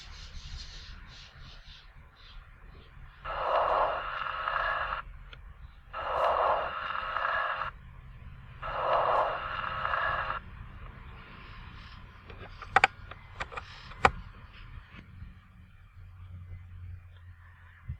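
Soft rustling breath sounds with longer inspiration and barely audible expiration: normal vesicular breathing.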